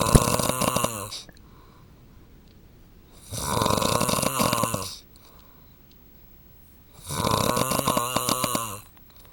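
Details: Adult husband snoring during sleep, wife hoping he will attend a sleep clinic: loud, coarse rattling snores on each breath, about three in nine seconds, separated by quiet pauses; heavy snoring.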